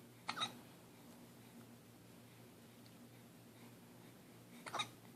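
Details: Infant aged 9 weeks with hiccups: two short, sharp hiccup bursts about four seconds apart over a steady low room hum.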